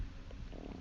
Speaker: Again, sorry if you can hear my stomach growling.